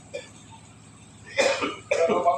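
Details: Cameraman coughing during a fishing outing.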